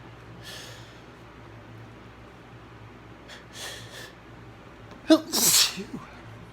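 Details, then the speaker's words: Morning sneezing in a person with mild allergies: two soft, breathy sneezes, then a sharp catch of breath and a loud, forceful sneeze; sneezing. "Bless me. Good morning. Phew. I'm gonna sneeze again."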